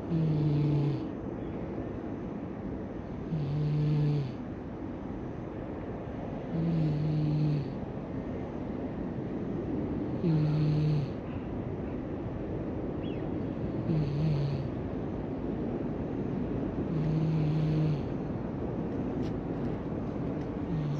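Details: Brown-and-white park cat napping comfortably: short, buzzing snores every 3 to 4 seconds, about 18 a minute, over steady outdoor noise; harmless sleep snoring.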